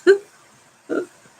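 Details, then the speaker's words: Two brief, rough snorting breaths about a second apart, each with a low buzzing tone, then quiet, from a dog lying on the floor: snoring. "my dogs on the floor snoring if you can hear then I'm sorry"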